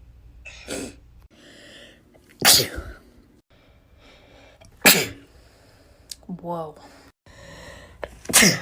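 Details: Female sneezing bout: three loud, explosive sneezes separated by quieter breathing and voice sounds.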